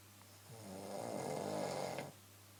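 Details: Adult woman snoring at night around 1:15 am, a nightly problem: a single rough, rattling snore on an indrawn breath lasting about 1.5 seconds against a quiet room hum.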